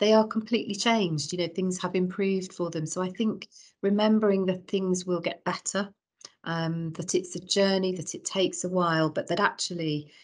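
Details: Adult woman speaking; typical speech.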